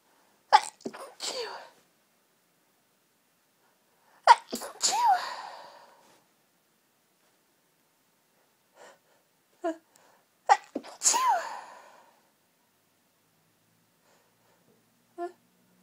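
A run of sharp, high-pitched sneezes with quick in-breaths before each, then softer sniffs; a sneezing fit from hay fever.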